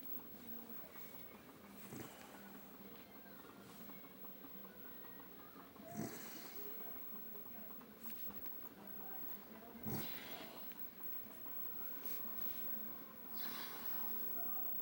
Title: My dad snoring